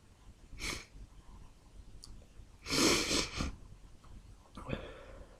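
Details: Sneezing fit: two to three sharp, noisy sneeze bursts in quick succession, the middle one loudest, amid a run of repeated achoos.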